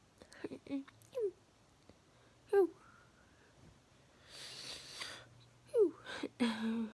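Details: Moderately bad vocal tic day; vocal tics.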